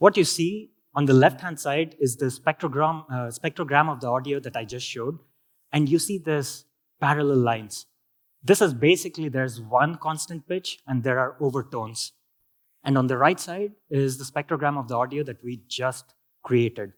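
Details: Adult male speaker; healthy speech.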